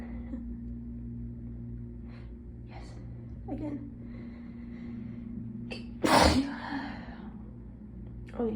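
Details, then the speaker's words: Congested person in allergy season, pollen suspected, in a chilly room, in a run of repeated sneezes: quiet faint breathing, then a sharp intake and one loud explosive sneeze. "I think I'm gonna sneeze again. Oh, Christ almighty. I am definitely gonna sneeze again."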